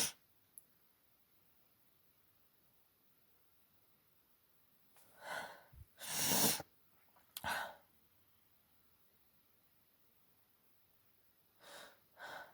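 A few sharp sneezes in close succession with sniffing and nose blowing between them. A sneezing fit from allergy.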